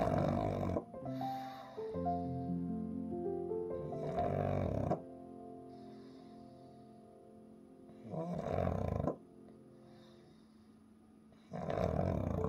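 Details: Pug sleeping, rough snorting snores at a few per minute over soft calming music.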